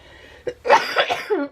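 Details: An adult who says she is very sick gives a short cough, then a harsh, throaty burst of coughing in a small room.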